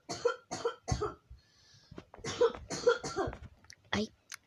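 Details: A run of short, light coughs from a child who says they are sick and losing their voice, mixed with soft voice sounds; cough.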